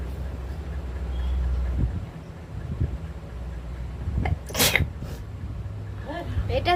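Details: A child gives one sharp, explosive sneeze over low rumbling background noise, followed by brief voices.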